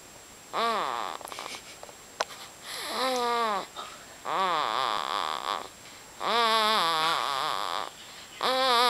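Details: Repeated pitched, whistling snores with a whining, whistle-like tone and short quiet gaps between them; snoring.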